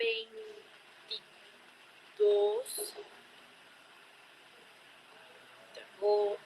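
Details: Patient with a cerebellar disorder, presented as a teaching example of ataxic dysarthria linked to cerebellar lesions, answering a question about the day; ataxic dysarthria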